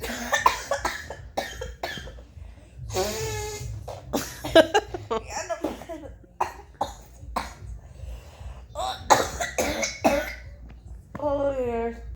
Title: Cough sounds like motorcycle